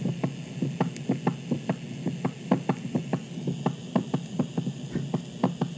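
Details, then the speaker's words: Heart auscultated over the mitral valve, reviewed by a veterinary student for a feline exam: quick, regular paired heart thumps with no murmur between them; normal heart sounds. "Ça, c'est le bruit normal. Exemple, quand tu écoutes au niveau de la valve mitrale."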